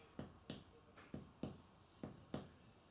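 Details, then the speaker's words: Normal chest percussion note on a simulated casualty: gentle two-finger tap over a finger laid flat at the second intercostal space, to compare injured and non-injured sides. "I'm going to gently tap and we're creating a sound that will allow us to associate across to the injured or non-injured side"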